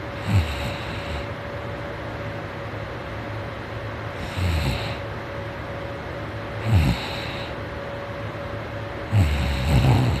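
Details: Morning snoring: low, rough snores in bursts every two to two and a half seconds over a steady background hum.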